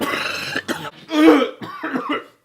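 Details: Gagging and coughing after eating disgusting food (crispy anchovies) in an eating challenge: harsh throaty retching sounds with short cough bursts.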